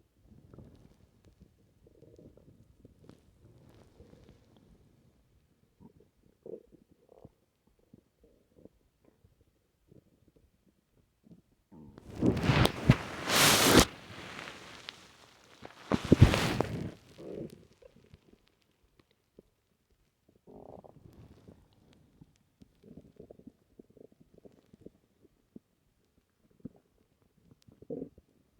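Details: Active stomach gurgling after drinking a lot of milk: low bubbling gurgles with two loud, drawn-out rumbles midway, ordinary bowel sounds (borborygmi).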